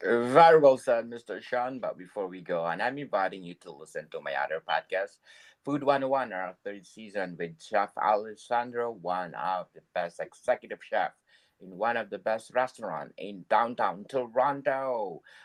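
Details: Adult male speaker; typical speech.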